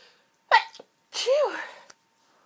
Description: itchy, tickly sneezes....... sorry about the coughing the pollen has been affecting my throat!